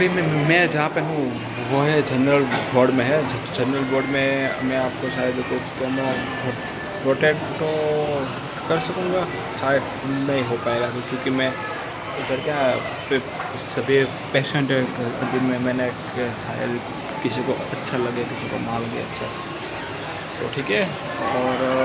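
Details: Stuttering in an adult man on day 65 of a self-directed stammering-control programme of breathing, slow counting and reading-aloud exercises, speaking Hindi in a public hospital.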